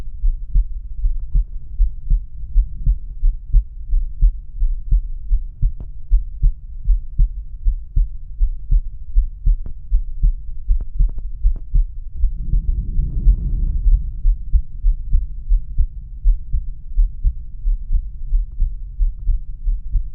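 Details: Normal heart sounds from a male heart, auscultated with the stethoscope diaphragm across the aortic, pulmonic, Erb's point, tricuspid and mitral/apex areas.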